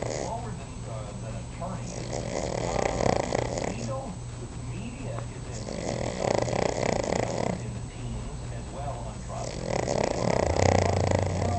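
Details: Cavalier King Charles spaniel snoring while asleep, possibly dreaming: continuous rattling, snorting breath noise in waves over a steady background hum.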